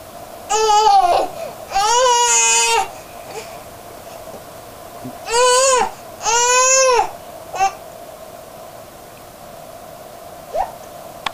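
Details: Infant angered by hiccups, crying in four short, high-pitched bursts with pauses over low room hum; infant cry.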